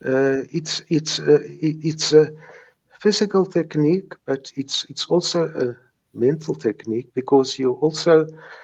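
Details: Stuttering since age three in a man in his 70s, with mild speech blocks that persist.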